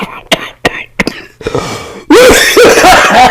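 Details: Person coughs after taking a deep lung hit from a fruity mango-flavored product, with exclaiming afterward; cough.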